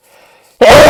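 After a brief quiet pause, one loud, abrupt cough bursts out from an adult.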